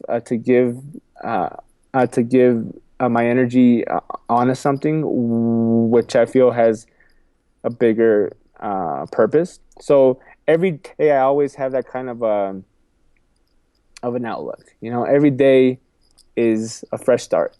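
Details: Adult man who says he has a stuttering problem and has accepted it; stuttering.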